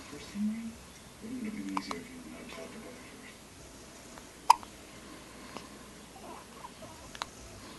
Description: She was about 2 weeks old at this point and getting the hiccups pretty much every time you fed her.